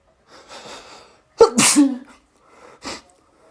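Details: Person with a sneezy cold on waking, in a morning sneezing fit lasting about 15 minutes: sharp in-breath, then one loud explosive sneeze, quieter breathing before and after.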